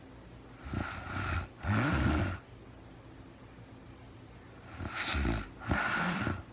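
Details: Real-time recording of a woman asleep at night after being very tired, no talking, described as REM sleep: two pairs of low, rumbling, rattling snores on breathing in, separated by quiet pauses; snoring.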